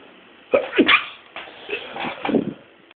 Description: Making myself sneeze loads of times in a row.